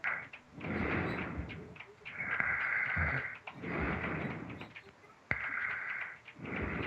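Repeated harsh, rattling breaths in and out, about 20 a minute, with a whistling edge on each breath: snoring.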